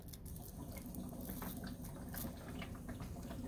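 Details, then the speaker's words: Steady gurgling, bubbling patter from the water chamber of a bubble CPAP on a special care nursery infant with a nasal interface; continuous bubbling shows a good seal at the nose. "we have it connected to the patient we want to look at our chamber and make sure that we see Bubbles and we do have bubbles so we can feel pretty confident that we got a good seal on the patient's nose"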